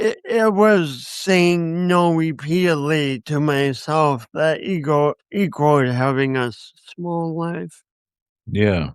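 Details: Speech impediment in an adult man who also has coordination issues; he says he has not overcome it.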